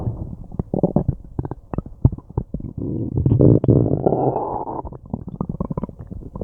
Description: I have no idea what I ate, but my stomach and intestines are having a tough time breaking it down, it's been growling and gurgling and groaning for a long time and it feels kinda nice ^-^